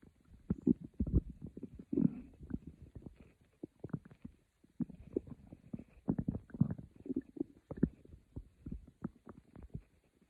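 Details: Quiet stomach growling recorded for sleep: soft, irregular gurgling and bubbling rumbles in a quiet room; bowel sounds (borborygmi).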